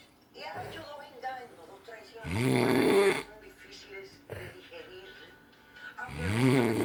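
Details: Snoring during sleep; two loud, rumbling snores on the in-breath about four seconds apart, with Spanish-language television talk in the background.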